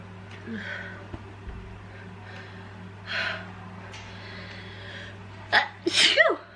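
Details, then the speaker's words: Quiet breathy intakes, then two forceful sneezes in quick succession; adult sneezing repeatedly while sick on vacation, attributed to a cold or allergies. "I feel so gross. I'm like trying to have a good time, but I can't stop sneezing."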